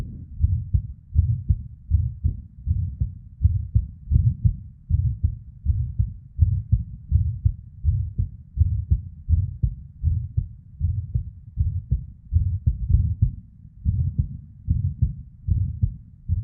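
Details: Irregular heartbeat in a female, near 80 per minute, with PVCs/ectopic beats and a murmur (blood flow): deep, muffled, uneven rhythm with early beats and whooshing between beats.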